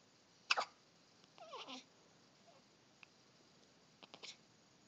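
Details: Infant hiccups: quick, sharp hiccup bursts at the start and end with a soft falling baby vocal sound between.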